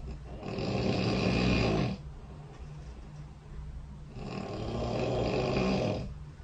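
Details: Two long, harsh, rattling snores with a quieter breath between them, recorded overnight by the SnoreLab phone app set beside the bed during sleep; heavy, rhythmic snoring.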